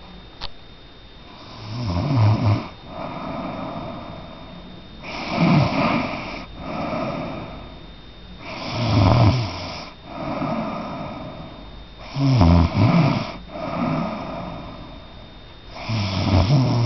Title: Joey snoring!